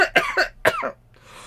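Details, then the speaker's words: Sudden coughing fit while speaking: three harsh, rapid coughs in a short burst, each with a strained rough onset, followed by quiet room noise. "Apologies, I was trying to say her name and I started coughing."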